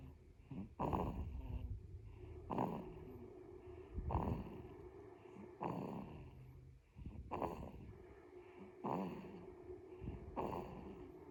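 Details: Baby snoring: soft, regular snuffly snores about every one and a half seconds, roughly 38 a minute; ordinary infant snoring.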